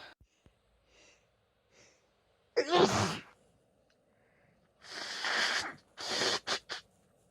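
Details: Female with a common cold: a sharp sneeze with a gasping wind-up, then several bursts of nose blowing. Clips from several days, with sneezes growing deeper, wetter and hoarser as the cold takes hold.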